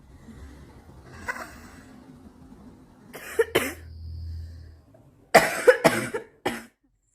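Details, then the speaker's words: Several harsh, loose coughs in two bursts with a throat clear between, from a young woman smoker after climbing stairs, who reports a low buzzing on inhaling; a smoker's cough. "And then go take care of this smoker's cough."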